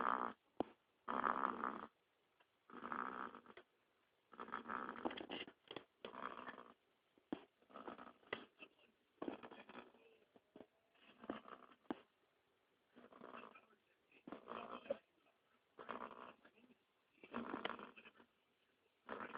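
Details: A pet only a few months old snoring: rhythmic, rattly snores at roughly 48 a minute.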